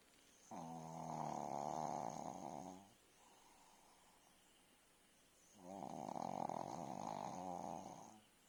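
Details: A sleeping pug snores with two long, rough, rattling breaths about three seconds apart and quiet between them: snoring.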